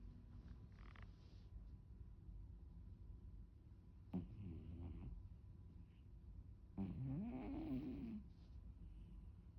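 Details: Sleeping Maine Coon cat with two slow, rumbling breath sounds over a quiet background; snoring.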